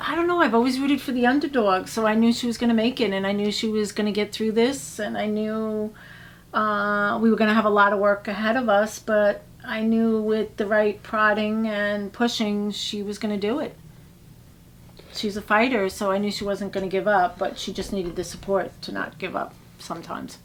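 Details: Adult woman speaking; normal speech.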